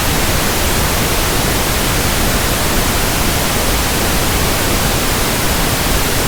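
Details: Pink noise sample for tinnitus sound matching and frequency comparison: a steady, soft, even static hiss with balanced low and high content, used to compare against persistent ringing or buzzing in the ears.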